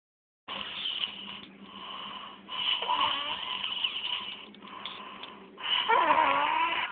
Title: jughead snoring